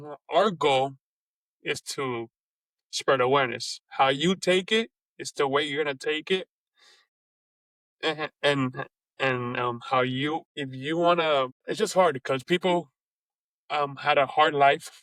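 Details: Adult man who has stuttered since age 4, lets his stutter happen openly rather than hiding it, and says it goes up and down; stuttering.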